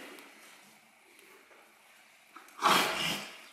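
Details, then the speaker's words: Horse diagnosed with pneumonia five days earlier, also anemic; one harsh, snort-like cough after a quiet stretch; heavy breathing and wheezing also noted: cough. "yeah that was a cough"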